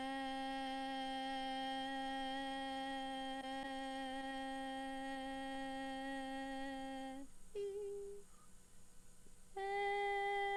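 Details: Normal sustained phonation during slow-motion videostroboscopy showing normal vocal fold opening, closing, lengthening, shortening and vibration.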